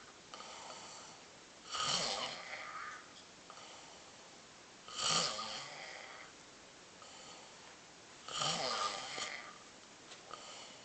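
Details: Person with loud snoring: rattling snores recurring about every three seconds, roughly 18 a minute, with quieter breaths between; heavy snoring.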